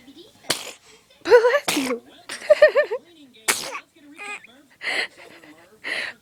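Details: Repeated sneezing: several sharp sneeze bursts mixed with brief high-pitched vocal sounds in a small room.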